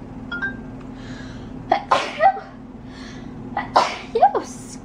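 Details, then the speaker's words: Woman sneezing: two sharp sneezes, each with a quick catching breath before the burst, quiet room. "I feel a little better I'm gonna sneeze"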